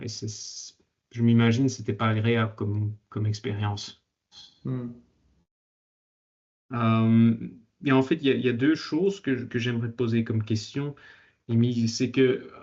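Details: Stuttering in a 22-year-old man speaking French. He began working on his stutter in his final year of high school and says it changed a lot after that.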